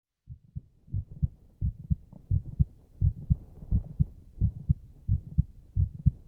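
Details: Steady paired low thumps of an adult man's heartbeat, recorded with binaural 3Dio dummy-head microphones in a roleplay voice recording, about 86 beats a minute.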